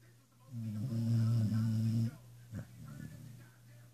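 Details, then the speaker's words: A male dog snoring while asleep: a loud, deep, rumbling snore on the in-breath lasting over a second, then a quieter snort and breathing. "no you're snoring MO will you please stop snoring so I can watch my TV please"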